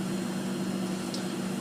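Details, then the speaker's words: Steady low mechanical hum of the blood pump on a 2008K dialysis machine during priming. The arterial bloodline is held over a bucket while air is purged and replaced with saline, then the pump is stopped. "you want to do is Purge the air out and replace it with sailing once the sailing's coming out of the bucket push stop"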